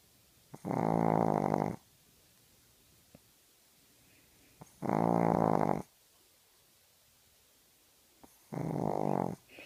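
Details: Sleeping dog giving three loud, rattling snores, each about a second long and roughly four seconds apart, with quiet pauses between: snoring.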